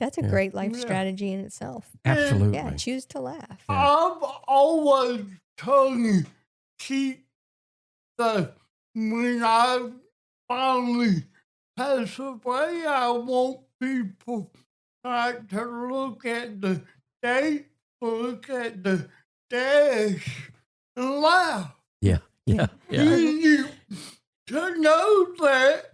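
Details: Adult man with cerebral palsy and a speech impediment since childhood; dysarthria (cerebral palsy).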